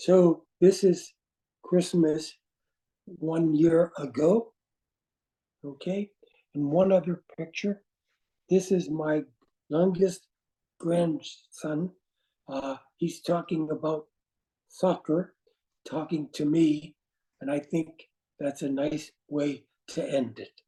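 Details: Adult man with aphasia caused by a stroke, with non-flowing words and difficulty with instant word choice and finding how to say what he wants: aphasia.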